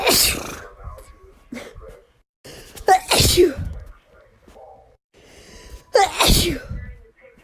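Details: Wet sneeze compilation: three forceful wet sneezes, each with a short intake of breath before it and quiet gaps between; sneeze.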